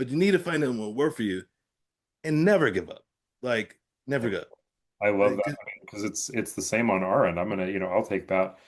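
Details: Adult man with aphasia after a stroke; aphasia.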